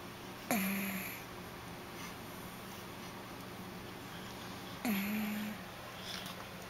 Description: Stella the snoring pug